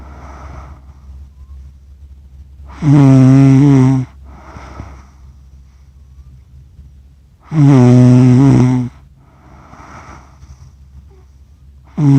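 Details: Accidental recording of an adult sleeping, self-described as snoring funny: loud, deep, buzzing snores at about 13 breaths a minute, each followed by a softer breathing sound.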